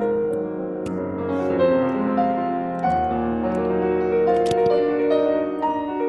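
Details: Unprocessed piano music, clear and rich with distinct notes and full tone, played as the reference for how music sounds to a person with typical hearing, in contrast to cochlear implant input.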